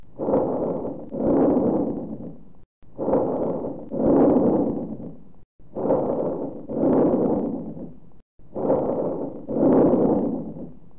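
Bronchovesicular breath sounds: about 22 breaths a minute, inspiration and expiration of similar length and loudness.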